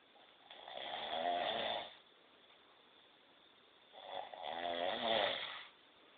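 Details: Two loud, rattling snores about four seconds apart, each over a second long, with quiet between; ordinary snoring during sleep.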